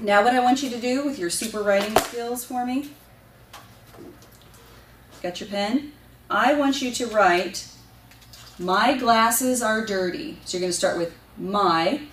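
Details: Adult clinician speaking; unaffected speech.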